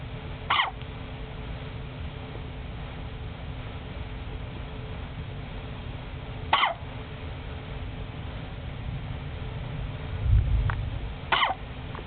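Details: About one-month-old asleep with hiccups: three brief, sharp hiccups at irregular gaps of several seconds over steady low background noise.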